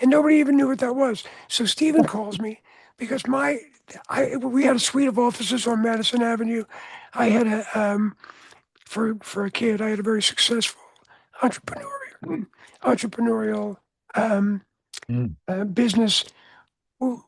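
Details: Adult man whose voice was altered by throat cancer, treated with surgery, radiation and two years of experimental chemotherapy, with no recurrence since: voice change after throat cancer treatment.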